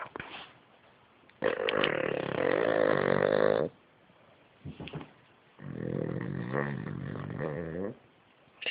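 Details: King Charles Cavalier dog snoring while asleep: loud, rattling snores on breathing in, each about two seconds long, separated by quieter pauses.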